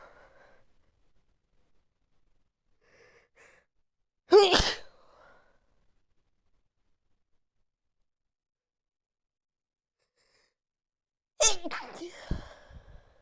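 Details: Person sneezing while high; two sharp, explosive sneezes separated by quiet, the second with a short breathy trailing sound; sneezing.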